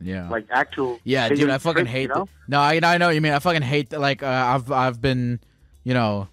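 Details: Adult male speaker; conversational speech.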